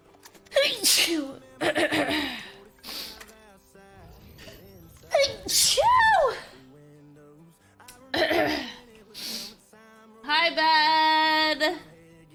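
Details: Female streamer with allergies while gaming; run of about four loud sneezes with quick breaths between, over background music: sneezing fit.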